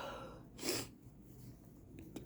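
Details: Person feeling sick with suspected allergy: a single sharp, loud sneeze with a quick breath before and a faint snort after, in a quiet room; sneeze.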